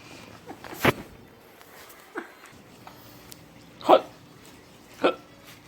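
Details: A baby girl with hiccups while babbling as adults talk: repeated short, abrupt hiccups at irregular intervals, about five in six seconds, in a quiet room.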